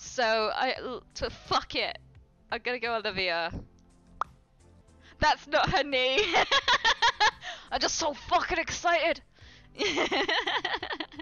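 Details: Real Tourette syndrome in a live streamer, with involuntary vocal tics including swearing and phrases; the streamer describes sometimes trying to suppress tics; finding: vocal tics (Tourette syndrome).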